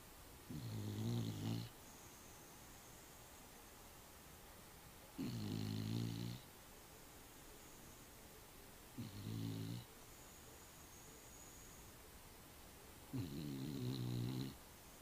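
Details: Snoring in a sleeping dog: four low, buzzing snores about four seconds apart, roughly 15 breaths a minute, with quiet pauses between.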